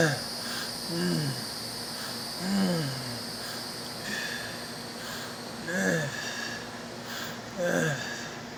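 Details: Stridor: harsh, high-pitched musical noise with breathing, recurring every few seconds.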